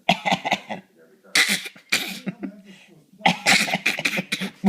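Clusters of short, sharp, deliberate coughs from adults taking turns, with brief pauses between bursts.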